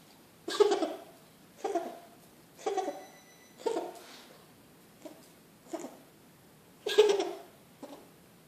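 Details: Cat giving a run of about eight short, harsh coughs, some louder and some softer.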